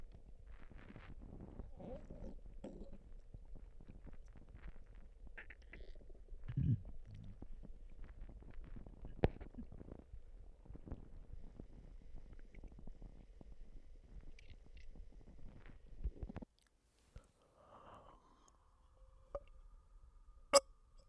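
Low gurgling and rumbling with scattered squelches, then a quiet stretch and a sharp click near the end; ordinary stomach rumbling.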